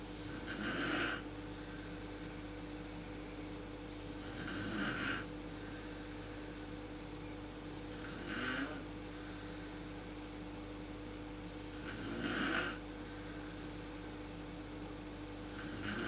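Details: Mother snoring in the dark, worst at sleep onset, recorded with a PowerShot SX130 IS camera: regular snores about every four seconds, roughly 16 a minute, over steady room noise.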